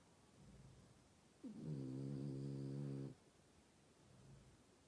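A single long, buzzing, vibrating breath sound with quiet breathing on either side, consistent with a snore.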